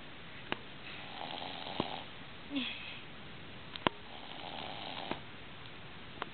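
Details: Dog named Sophie snoring on the couch.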